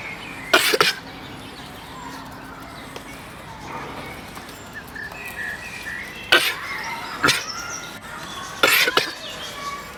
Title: Coughing goat